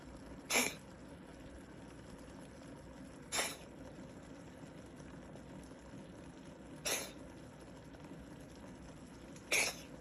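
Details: A cat coughing.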